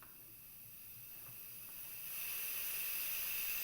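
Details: Steady high-pitched hiss rising as gas flow is increased through a Boussignac CPAP valve with mask, filter and manometer on a simulated lung/mannequin, demonstrating use in infectious respiratory patients.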